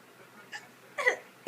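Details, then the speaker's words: Hiccups: two brief, quiet catches of breath about half a second apart in a quiet room, consistent with infant hiccups, a normal harmless reflex. "Come on, keep making that funny hiccup sound."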